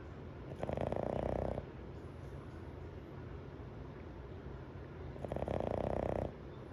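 Two loud, rattling snores on breathing in, about 13 breaths a minute, with quiet room noise between them: snoring.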